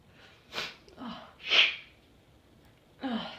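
Quiet breathy catches in the breath, then a sharp sneeze burst and another huffing burst at the end; sneezing.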